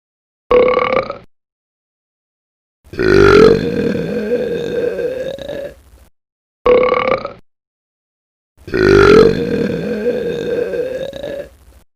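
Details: Strong, slow burp sound effect from a funny sound-effect track: a short belch, then a long drawn-out one, repeated with silence between.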